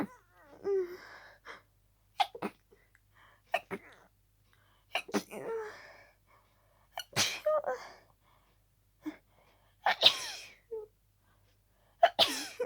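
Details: Person with a cold, barely able to breathe between sneezes: about eight forceful sneezes in quick succession with short sharp gasps between them; paroxysmal sneezing.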